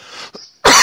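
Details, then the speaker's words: Cough from a person with a lingering cold who has been coughing a lot, while smoking dabs: a soft throaty rasp, then a sudden loud harsh cough burst. "So either way, I'm going to cough. Expect it. Be ready."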